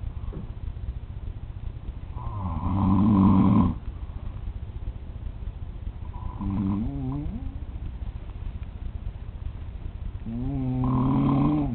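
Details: Adult man (father) asleep, recorded at 3:00 am on a trip: three loud, rattling snores at regular intervals with quiet gaps between them.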